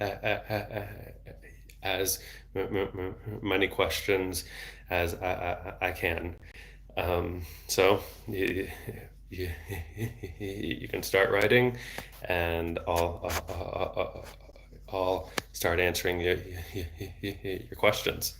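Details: Adult man, a speech-language pathologist, who has stuttered since age 8 and had speech therapy off and on until his early 20s; word repetitions; stuttering.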